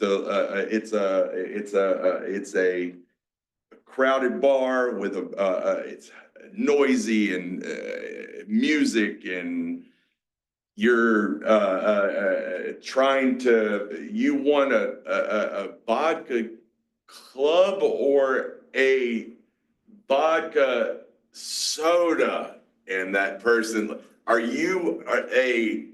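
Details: Aphasia in a 47-year-old male, a mix of Broca's and Wernicke's, after a massive stroke 6 years ago.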